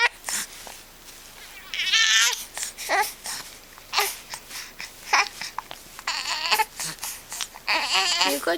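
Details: 7-week-old infant boy with hiccups, fussing and whimpering angrily between brief, sharp catching sounds repeating about once a second; infant hiccups.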